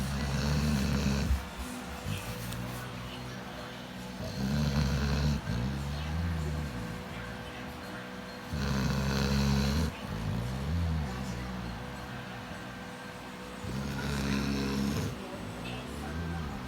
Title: The snoring dog😂😂